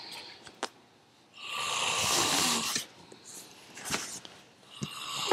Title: Godfather snoring like godzilla